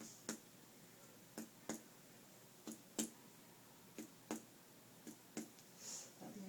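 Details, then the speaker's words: Abdominal percussion on a female patient: about ten sharp taps, often in pairs, in a quiet room, tympanic over the lower quadrant and a little dull centrally; liver span percussion from tympany to dullness. "now she's tympanic lower quad which is to be expected little dull over the central area which is more than likely"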